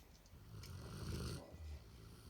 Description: Our 11 year old standard poodle Angel was caught snoring for the first time!